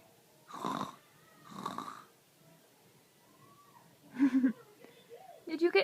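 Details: Two rough snoring breaths about a second apart during sleep, then a woman's voice telling him to go back to sleep; ordinary snoring.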